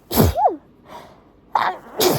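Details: Person with unusually itchy, irritated nose, no induction needed, sneezing into a tissue on request: two forceful sneezes, each a sudden hissing blast with a brief voiced catch, separated by a quick breath in; strong sneezing fit.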